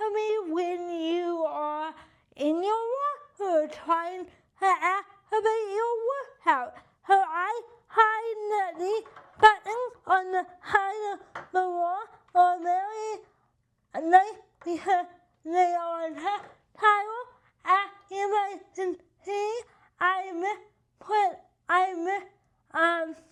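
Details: Adult with cerebral palsy and limited hand function: dysarthria.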